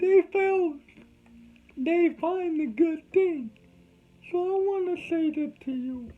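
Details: Adult man with cerebral palsy, whom doctors said would never talk, showing dysarthria in cerebral palsy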